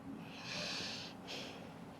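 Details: Snoring in a staged Bangladeshi drama scene set late at night.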